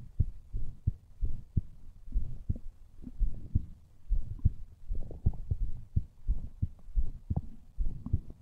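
Muffled, regular low thumps in paired beats, roughly 85 to 95 a minute: a heartbeat.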